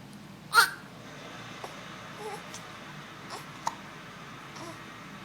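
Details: Baby hiccups in an infant with a stuffy nose, hiccups continuing long after recording: one clear hiccup catch followed by a few faint small ones against steady room noise.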